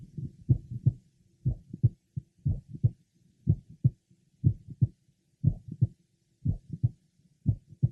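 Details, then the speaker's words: Apex of a woman with mitral valve prolapse, mother of an affected young man, with frequent premature beats: heartbeat about 60 a minute with a mid-systolic click, sometimes two, between the heart sounds. "now listen to his mother she has a mid systolic click occasionally a couple of clicks are heard sometimes she has in addition a late apical systolic murmur"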